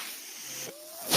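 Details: Real recording: the speaker's own mechanical ventilator heard as he talks, a steady airy hiss with a faint whistling tone that rises in loudness at the end. Mechanical ventilator airflow.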